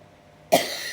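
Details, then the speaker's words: Adult woman who feels unwell after several days of travel: after a brief quiet moment, a single sudden, harsh, forceful cough that fades quickly. "โอ๊ยไปเที่ยวมาหลายวันนไม่สบายเลยค่ะทุกคนต้องขอโทษขออภัยเด้ออาจจะมีเสียงไอบ้างนะคะ"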